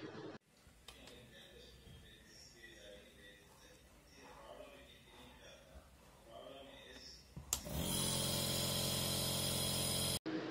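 Quiet room with soft talk, then a click and a steady loud buzzing hum of a nebulizer compressor running.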